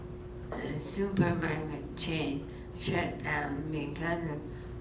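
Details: Dysarthria in a speaker with ALS, with reduced articulatory precision, a little slurring, a hint of hypernasality and some vocal quality issues; dysarthria (ALS).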